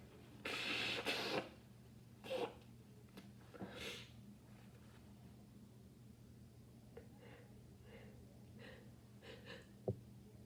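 Several rough sneezes in quick succession, then quieter sniffing, over steady room hum; repeated sneezing with a cold.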